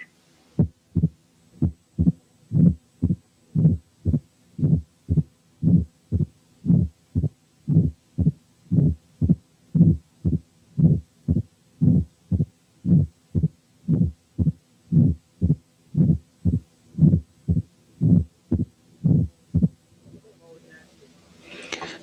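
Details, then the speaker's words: Mitral stenosis presenting with only a presystolic murmur, regular at about 58 per minute. Lying supine, only the first and second sounds and an opening snap are heard; turning onto the left side brings out a low presystolic murmur. "ساعات الماترال ستينوزيس بيبريزنت ببري سيستوليك مارمر بس زي المثال اللي جاي، وهنا برضو الأول والمريض نايم على ظهره مسموع بس الفيرست والسكند هارت ساوندز ومعاهم اوبننج سناب، ولما ينام على الجنب الشمال البري سيستوليك مارمر تظهر."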